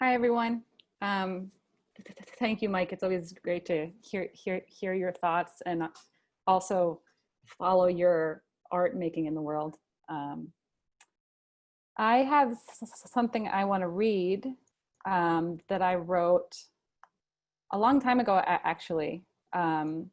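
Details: Adult male who stutters and chooses to stutter openly; real stuttering.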